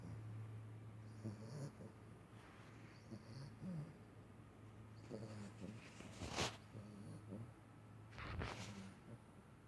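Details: 10-week-old Pitbull puppy asleep, snoring with soft, low rumbling snores and a couple of brief snorting breaths.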